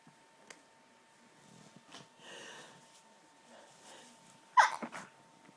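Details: Violent stifled sneezes, very hard to hold back, some strong enough to make the person double over; faint breathy catches, then two or three forceful, muffled sneeze bursts held back in the throat and nose.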